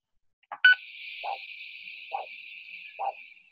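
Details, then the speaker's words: Doppler arterial signal during a vascular assessment: the waveform display shows a triphasic signal, possibly with the probe deliberately at the wrong angle, but single soft whooshes about 70 a minute make it sound monophasic. "well you could call that monophasic if you were listening in and you weren't quite sure but it's not really easy to see very clearly"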